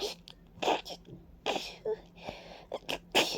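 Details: Several quick, wet, congested sneezes with sniffing between, in a stuffy person with runny nose, watering eyes and a persistent tickle, attributed to ragweed and dust; repeated allergic sneezing.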